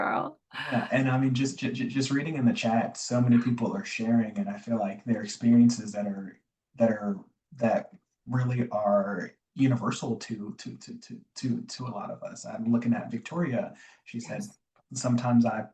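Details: Adult man, a self-described recovering covert stutterer who still stutters (real, not acted), with word and phrase repetitions and fillers; stuttering.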